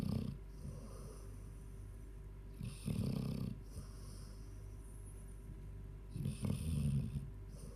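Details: A 14-year-old Labrador snoring during sleep: low rattling snores with each inhalation, about three heard, over a steady room hum.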